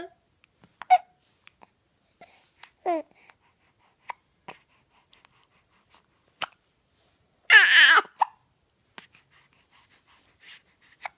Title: Hiccups